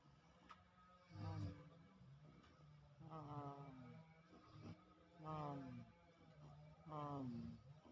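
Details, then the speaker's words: Sleeping child snoring: rhythmic rattling, groaning snores on each breath in, about four in eight seconds. "Anakku ngorok."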